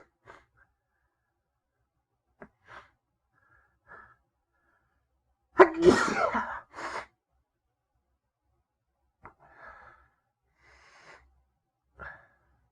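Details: Induced sneezing in a male, triggered via paper towel: soft sniffs and catches build to one loud explosive sneeze, followed by quieter breaths and sniffles.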